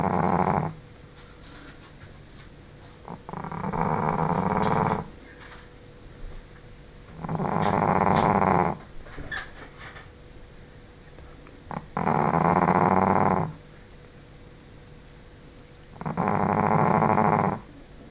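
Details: Pekingese dog snoring loudly while asleep: loud, rough rattling snores on each breath in, about 15 per minute.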